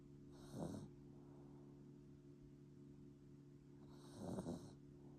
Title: 코골면서 자는 비숑 강아지 bichonfrise puppy snoring